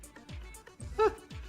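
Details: Vocal tic, a throat noise the streamer makes with the windpipe, present since childhood. The streamer has also developed word tics in recent years, and Tourette's is mentioned.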